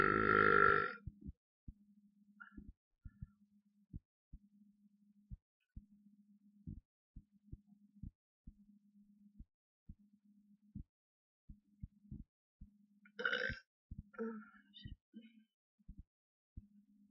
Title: burping randomness bwahaha